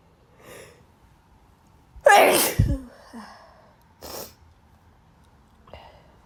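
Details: Person with bad allergies: one loud explosive sneeze followed by softer breaths and sniffs in a quiet room.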